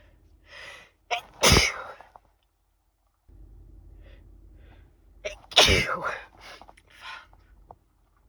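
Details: Rapid sneezes: two loud, explosive sneezes a few seconds apart, each with a quick indrawn breath before it, over a low room hum.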